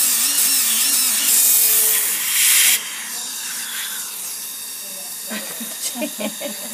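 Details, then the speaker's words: High-pitched whine of a rotary dental polishing puck trimming the top part of a tooth with a class V abfraction composite restoration, stopping midway, then quieter room sounds and soft voices. "and then we go in with a polishing tuck to trim up the top part of the tooth"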